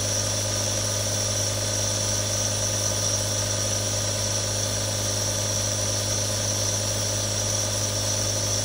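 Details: Real sounds from one of three different nebulizers: a steady mechanical hum with a constant hiss and a low motor drone as the nebulizer runs continuously.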